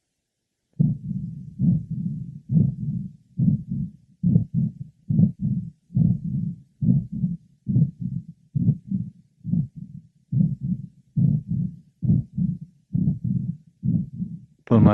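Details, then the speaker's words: Patient with combined aortic stenosis and regurgitation, heard over the aortic area, pulmonic area, left sternal border and apex: heart sounds about 69 a minute with murmurs filling both systole and diastole. "our next patient is both aortic stenosis and regurgitation"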